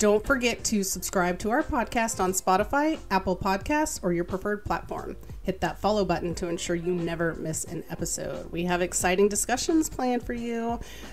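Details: Adult woman speaking; normal speech.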